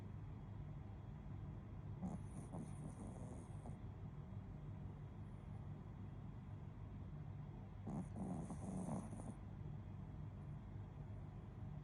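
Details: Shih tzu snoring while asleep: two soft rattling snores about six seconds apart over a steady low room hum; ordinary snoring.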